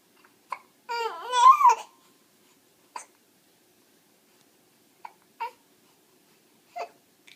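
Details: Infant babbles, then gives several short, sharp isolated hiccups at irregular intervals in a quiet room. Hiccups.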